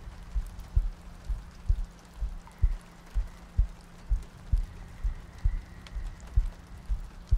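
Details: ASMR sleep-aid roleplay of cuddling next to a girlfriend on a rainy night, a looped track with soft breathing: soft, regular low thumps at about 64 a minute under steady rain-like noise; a slow, even heartbeat.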